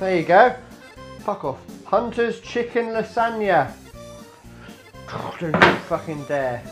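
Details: Adult man with Tourette syndrome producing involuntary vocal tics, including swearing, while cooking; Tourette syndrome vocal tics (coprolalia).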